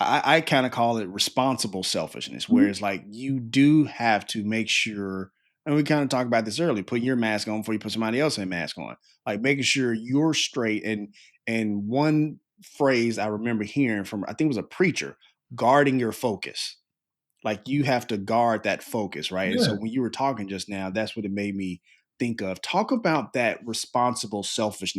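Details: Adult man speaking; normal conversational speech.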